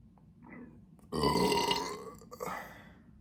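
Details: Person feeling bloated; one long, loud belch followed by a shorter one in a quiet room; burping.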